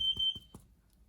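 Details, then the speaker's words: A high beep with soft thumps as the cuff deflates on a vintage Boso-tron semi-electronic blood pressure and pulse meter. The monitor signals each detected pulse beat. "it's making the measurement from the microphone or from the crystal. I'm not sure, but you can see how it's working. And it's searching for the moment when it will be completely quiet."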